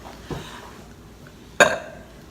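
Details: A single loud, brief belch after a soft throat sound in a quiet room, during a spicy keto Mexican food mukbang; an ordinary burp.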